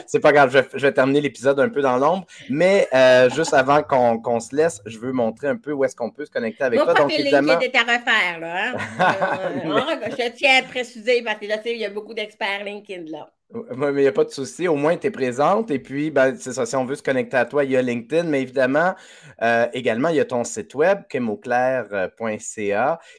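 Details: Adult speakers in conversation (French); Typical speech.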